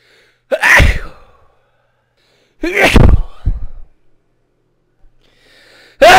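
Two forceful sneezes, each a sharp inhaled gasp then an explosive burst, with a third beginning at the end; ordinary sneezing.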